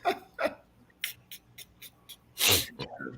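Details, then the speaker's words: Single adult sneeze: a few short sniffs and quick breaths build to one loud, explosive sneeze, then a brief trailing exhale. "I am a total mess with my allergies with this dust oh yeah I'm I'm sneezing I'm I'm uncomfortable"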